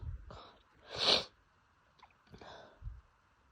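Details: Adult with pollen allergy sneezing daily for a month despite medication; itchy nose, a sharp sneeze with breathy intakes before and after in a quiet room.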